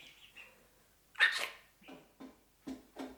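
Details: A young chick in a makeshift brooder that has been sneezing loudly and mouth breathing gives one sharp, hissing sneeze among soft peeps.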